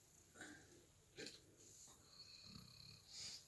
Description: Sound asleep with his head on my lap and snoring away.